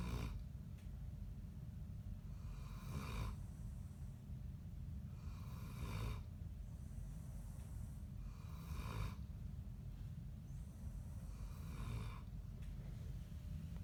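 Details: Dog snoring in the dark: soft, regular snoring breaths about 20 a minute over low room rumble.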